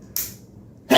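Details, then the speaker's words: A sudden, sharp, hissing burst of air from an adult during a conversation, a sneeze that others remark sounded painful. "Oh, bless you. That sounded painful. Yeah. New Year's resolution: stop sneezing."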